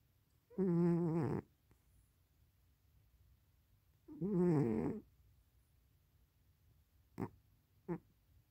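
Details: Pet cat snoring: two long, buzzy, rattling breaths about three seconds apart, then two short soft snorts, in a quiet room.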